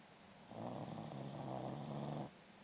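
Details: A single low, buzzy rattling snore lasting nearly two seconds from a sleeping corgi dog over quiet room noise; snoring.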